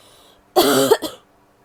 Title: coughing (f)